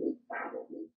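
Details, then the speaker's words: Normal triphasic peripheral arterial Doppler signal: three whooshing sounds per beat from systolic forward flow, brief early diastolic reversal, and late diastolic forward flow; triphasic arterial Doppler signal. "triphasic flow has three phases corresponding to three sounds the first sound is from systolic forward flow the second sound is from a brief reversal of flow during early diastole and the third sound is late diastolic forward flow triphasic flow is normal and sounds like"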